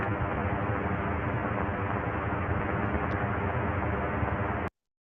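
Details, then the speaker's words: Microneurography from the median nerve recording single tactile afferents during ultrasound mid-air haptic stimulation; like most of 31 recorded neurons, this one did not respond: steady hiss and crackle with no spikes, only background noise. "So a bunch of noise, really."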